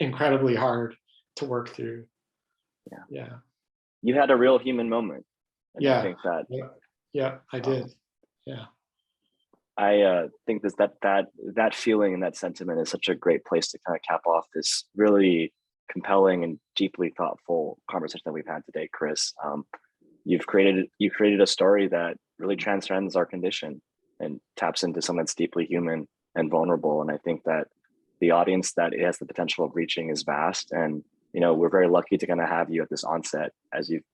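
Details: Adult male speakers in an interview; normal conversational speech.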